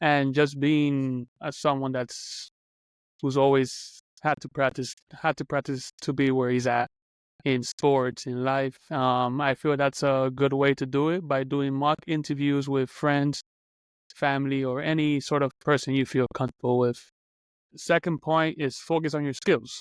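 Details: Adult who stutters, speaking as a podcast co-host in a real conversation, mentions getting stuck while speaking; stuttering.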